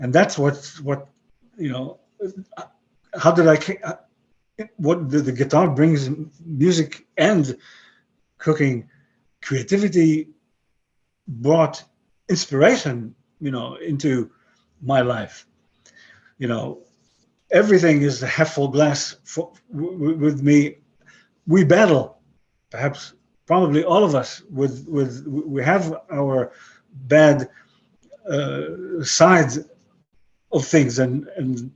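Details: 62-year-old man with aphasia after a stroke about 11 years earlier, who lost most of his languages and describes his English as broken; aphasia.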